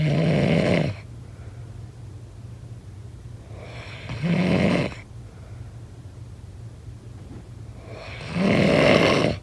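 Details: Snoring: three low, rough snores on the in-breath about four seconds apart, roughly 14 breaths a minute; ordinary loud snoring.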